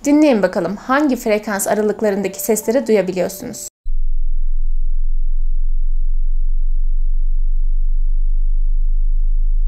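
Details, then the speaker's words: Brief Japanese speech inviting the listener to a hearing check of which frequencies they can hear, then a steady low pure test tone. "まず、あなたと一緒に聴力検査をしましょう。聞いて、どの周波数範囲で音が聞こえるかを確認してください。"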